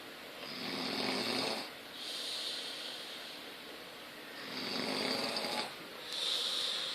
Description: Snorning while sleeping haha